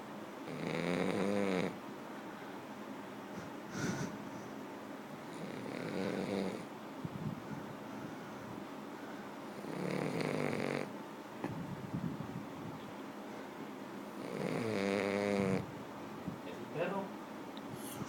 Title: Snoring french bulldog 2(conde)